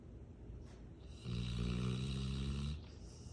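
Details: A napping female Rottweiler gives one long, deep, buzzing inhaled snore of about a second and a half, between quieter breaths. Loud snoring.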